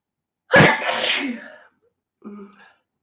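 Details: Girl, tagged allergies and sinuses: one sharp, forceful sneeze trailing into a breathy exhale, then a short voiced sound; sneezing.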